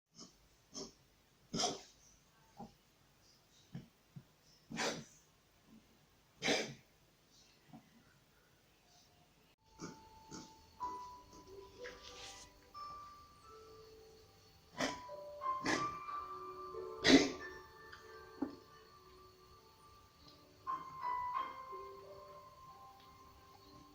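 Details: Cat with asthma during an asthma attack: a series of short, harsh hacking coughs and wheezy breaths.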